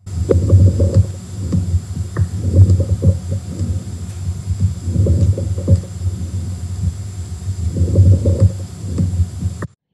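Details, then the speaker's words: Crackles heard through a stethoscope: low, muffled breaths with bursts of popping and rattling as air moves through secretions, as in pneumonia, pulmonary edema or bronchitis. "basically this is the crackling rattling popping that happens when air is moving through some sort of secretion so it's not the narrowing that we get with wheezes and Strider it is the crackling that we get when there are secretions so think pneumonia pull edema bronchitis"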